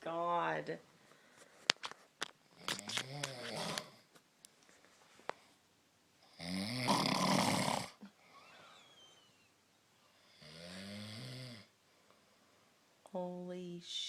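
Irregular snorts and rattling snores, one loud harsh snore, with squeaky noises in between, in a quiet room.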